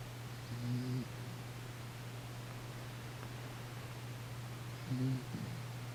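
Two low, rumbling snore-like breaths a few seconds apart from a sleeping cat, over steady background hum; harmless snoring.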